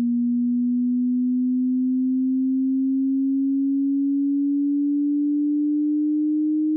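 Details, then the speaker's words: A steady pure tone slowly rising in pitch, part of a 60-second frequency sweep from the lowest to the highest audible pitch, used to match the pitch of tinnitus. "el sonido más bajo que el oído humano puede escuchar hasta su tono más alto y, por interés, déjame saber en los comentarios el tono más cercano que coincide con tu [Música] tinitus [Música]"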